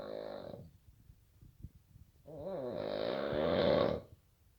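Two loud, rasping snores with a quiet pause between them; heavy snoring.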